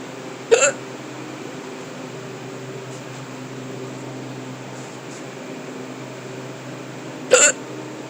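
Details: Adult with persistent hiccups that began while stocking a cooler at work: two sharp, abrupt hiccups about seven seconds apart against steady room hum.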